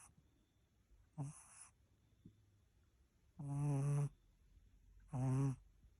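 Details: Snoring in sleep: loud buzzing snores, three in six seconds, each a vibrating rattle on a breath.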